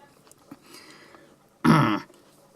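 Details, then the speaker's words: Single harsh, rough throat-clearing burst lasting under half a second, from a speaker who says they have a lot of phlegm. "And I do have a lot of phlegm, by the way, that's why you'll hear that. It's horrible, I know, but if I am to keep speaking, I guess you'll have to grin and bear it."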